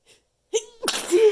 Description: I was sneezing into a handful of tissues, trying to kind of stifle them I guess? It made me even more stuffed up than usual!